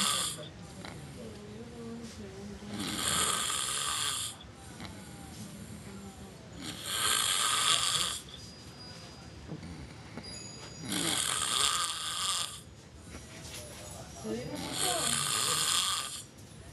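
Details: Loud rasping snores on each breath, about four in sixteen seconds, with quieter breathing between, from a man (brother) sleeping; ordinary snoring.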